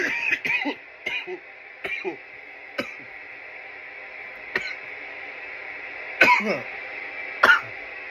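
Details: Coughing fits after smoking from a bong: about eight harsh coughs in irregular fits against a steady background hiss; irritant cough.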